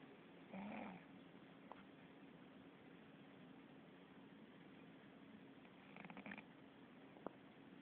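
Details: Sleeping cat snoring: two faint, soft snoring breaths about five seconds apart under steady background hiss; ordinary sleep snoring.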